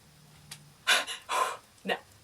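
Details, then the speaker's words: Person with dysautonomia, an autonomic nervous system disorder, imitating the involuntary breath-holding that happens under stress: abrupt, uneven breathy gasps and snatched breaths with short pauses, irregular breathing with breath-holding. "if I get stressed out my breathing gets out of my control it's like a sleep apnea where I don't have control over the rhythm of my breath and so I will hold my breath and that makes this sound like I'm physically doing it myself"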